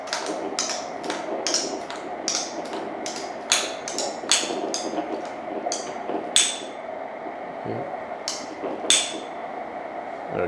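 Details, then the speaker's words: Handheld ultrasound Doppler over an arm artery during a holster-strap tourniquet test: rhythmic whooshing arterial pulses, roughly 90 per minute, fading and turning irregular as the tourniquet tightens and occludes flow. "el experto en la materia con el radar Doppler de ultrasonido, así que tenemos mi pulso."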